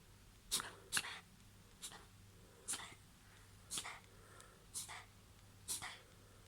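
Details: Dog with an uncertain event (owner unsure if hiccup or cough): seven short, sharp, hissing bursts about one second apart in a quiet room, a run of repeated sneezes or snorts.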